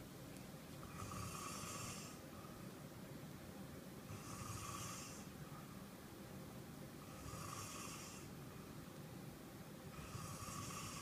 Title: Daddy snoring